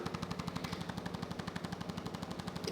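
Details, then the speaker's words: Fast, steady mechanical tapping, about eleven pulses a second, from a percussive adjusting instrument used on the seated patient's back; a large man with years of back pain and sciatica, suspected lumbar spine problem. "now I'm to do the instrument I usually do the instrument standing but I think for you I want to do it sitting all right so this is called the throw him good doesn't"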